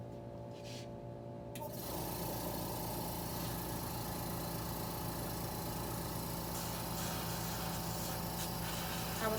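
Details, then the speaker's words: Student nurse demonstration of cleaning a tracheostomy suction catheter after tracheal suctioning: quiet room hum, then a steady whooshing suction drone as the catheter is flushed clean. "i forgot to clean my catheter after i suction the patient but now i am going to demonstrate how i would do that"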